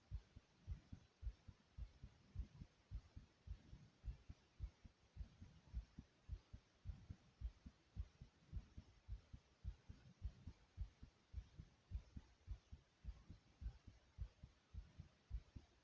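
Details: Rapid heartbeat (tachycardia): steady, quick, muffled heartbeat about 105 per minute, mildly fast, heart deliberately made to race.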